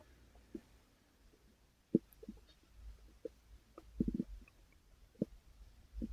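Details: Human stomach growling (borborygmi) recorded while still active: quiet scattered gurgles and short bubbling rumbles in a still room; ordinary stomach growling.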